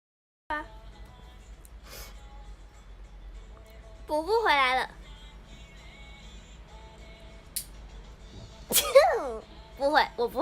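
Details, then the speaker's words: Several high-pitched sneezes, some with a voiced squeak, over background music and light talk; repeated sneezing. "哎呦，不要一直打喷嚏。"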